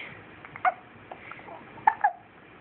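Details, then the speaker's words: Infant almost 3 weeks old (2 weeks 6 days), lying prone during tummy time: three brief, sharp squeaky catches over a quiet room background; hiccups. "days. We're doing it while he has the hiccups."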